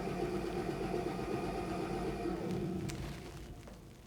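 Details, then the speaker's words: High-frequency chest wall oscillation vest for cystic fibrosis airway clearance in a child, Minnesota protocol cycle one: 8 Hz, pressure 8, shown briefly; steady, rapid mechanical buzzing hum that fades at the end. "cycle number two the hertz will move to nine the pressure remains the same and the minutes remains the same"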